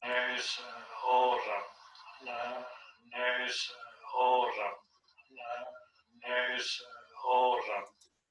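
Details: Apraxia of speech in a patient with nonfluent variant primary progressive aphasia.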